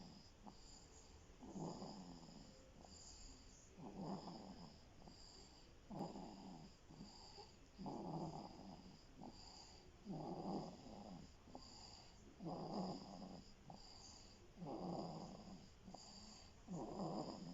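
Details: Sleeping person snoring: soft, regular snoring breaths about 27 a minute over a steady background hiss. Snoring.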